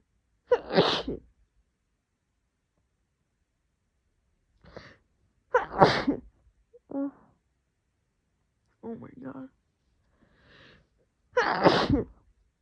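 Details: Female sneezing, messy and wet: three forceful, wet sneezes over several seconds, with short breaths and soft voice sounds between; sneezing.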